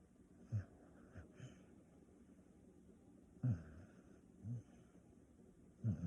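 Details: Staffordshire terrier dog napping gives short, low snorting snores at irregular intervals over a quiet background.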